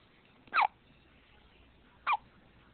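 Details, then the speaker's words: Two short, abrupt hiccups about a second and a half apart over quiet room noise, from a 2-week-old; typical hiccups. "You have the hiccups, honey."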